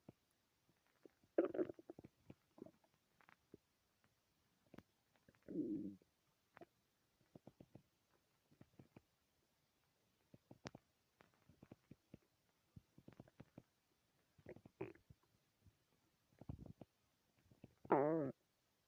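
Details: Loud stomach growls: scattered gurgles, squelches and several longer low rumbling growls from the belly; borborygmi, a normal bowel sound.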